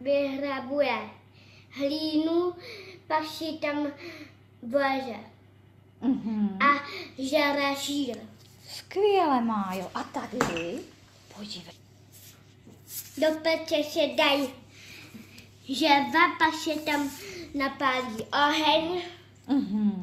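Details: Czech speech of a 5.5-year-old girl born with severe hearing loss, well compensated with hearing aids since age 2, showing lexical-semantic and morphosyntactic errors. Finding: language impairment due to congenital hearing loss.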